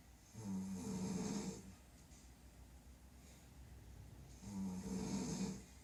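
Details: Mother snoring at night: two long, rattling, vibrating snores about four seconds apart on the in-breath; typical loud snoring during sleep.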